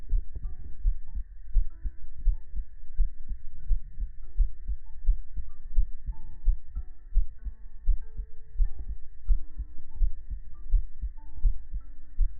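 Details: Heart sound segment of an ASMR livestream, following ear massage, ear cleaning and oil massage: a steady, soft, low thumping heartbeat at about 85 beats a minute with a gentle tonal hum and faint melody.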